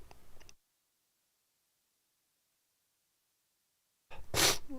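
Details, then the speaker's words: An adult gives a single loud, explosive sneeze after a few seconds of silence and faint room sounds, during a livestream sneezing attack. "wow sorry we got another sneezing attack here happening tonight"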